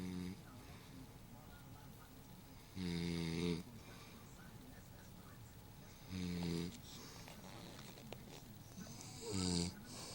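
Loud buzzing snores on each breath, about three in ten seconds, near 19 a minute; snoring.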